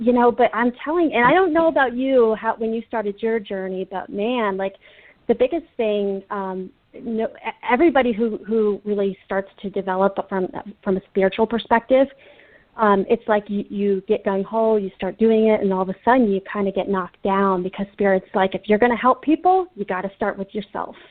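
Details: Adult speaker, recorded conversation; normal speech.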